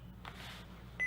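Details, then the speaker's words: Philips HeartStart OnSite AED demonstration with pads placed on an adult patient, voice prompt "No one should touch the patient. Analyzing": short electronic beep during heart rhythm analysis, before a shock was advised. "No one should touch the patient. Analyzing."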